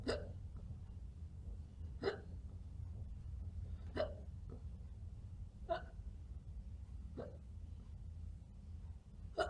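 Sharp, brief hiccup sounds about every 1.5 to 2 seconds, six in total, over a low steady room hum; they may be faked.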